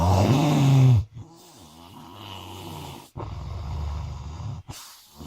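Loud low rumbling snore followed by quieter, rougher breathing noise with vibrating tone; snoring during sleep.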